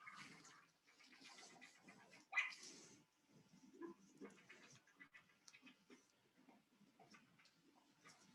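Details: Pulsed Doppler blood flow signal from a mouse, from a non-invasive small-animal Doppler flow velocity system, played through a computer and recorded by a room microphone: rapid, rough whooshing pulses, with flow velocities recognizable by sound.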